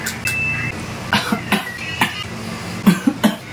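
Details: Repeated short, dry cough bursts, about six in three seconds, with traffic noise behind. An acted fit of coughing.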